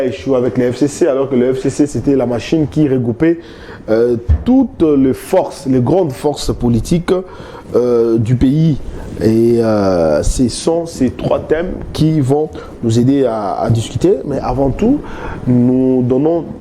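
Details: Adult male speaker; Normal speech.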